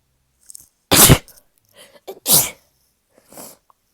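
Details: Two loud, explosive, congested sneezes with short catching breaths, the first especially forceful, from a person with a very stubborn blocked nose, with nose honking.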